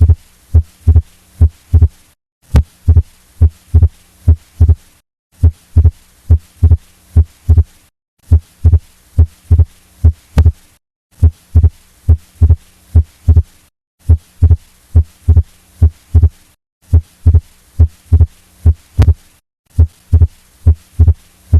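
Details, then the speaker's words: Cardiac auscultation example with murmurs removed: regular low heart sounds with second heart sound split by 60 milliseconds, unchanged between inspiration and expiration: fixed splitting of S2. "este exemplo mostra a divisão fixa da segunda bulha cardíaca a segunda bolha cardíaca permanece inalterada durante a inspiração e a inspiração em 60 milissegundos"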